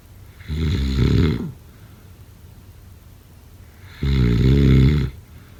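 Two loud, rumbling snores on the in-breath, about three and a half seconds apart, with quiet between: heavy snoring.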